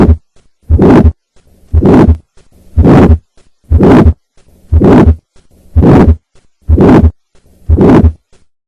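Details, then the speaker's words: Regular heartbeat near 59 a minute: three normal beats, then a harsh diamond-shaped systolic murmur ending before the aortic component of S2, from the left ventricle–aorta pressure gradient of aortic stenosis. "murmur this murmur has a diamond shape and ends before the aortic component of the second heart sound this murmur is due to the pressure gradient between the left ventricle and the aorta"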